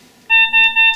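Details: Zoll X Series defibrillator demonstration, charging and discharging for a shockable rhythm: three short, loud, high-pitched electronic beeps in quick succession around shock delivery.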